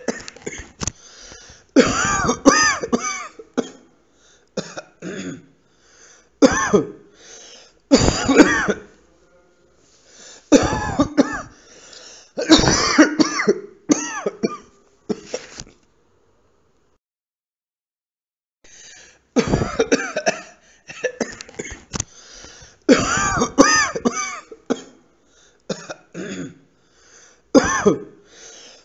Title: cough sound